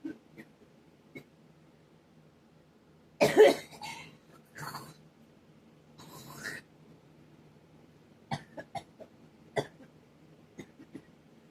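Three loud coughs followed by several short throat clears and small coughs in a quiet room; a dry, irritated cough.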